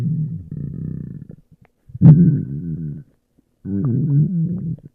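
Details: Long, low, gurgling stomach-growling rumbles that bend in pitch, in three bursts; ordinary borborygmi.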